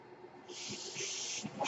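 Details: The podcaster's own mechanical ventilator, its noise audible in the background while he speaks.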